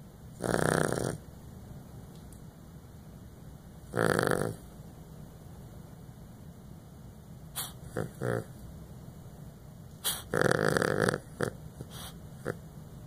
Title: Our snoring dog.